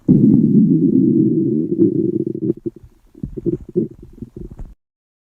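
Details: Girls' stomach growling from hunger on an empty stomach: a long, low rumbling growl breaking into bubbling gurgles; borborygmi.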